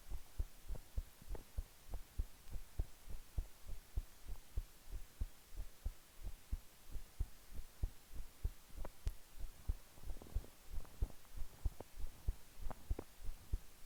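Steady low thumping heartbeat at rest, with regular paired beats and a soft background hum.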